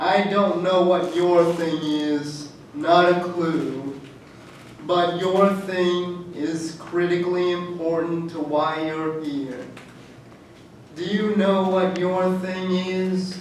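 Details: Adult man who states he has cerebral palsy; dysarthric speech in cerebral palsy.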